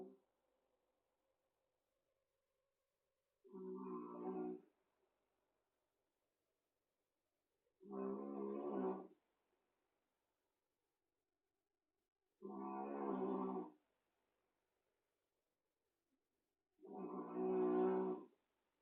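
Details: Small cat snoring in sleep: loud, rough snores about every 4.5 seconds, roughly 13 a minute, with silence between.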